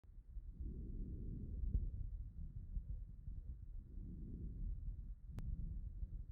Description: Recorded in a middle-aged man with right lower lobe pneumonia. You will hear tubular breath sounds, rales (crackles), bronchophony, and whispered pectoriloquy.